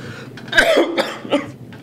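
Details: Acted cough from an adult in a school announcements skit: about three short, dry, deliberate cough bursts in a quiet small room.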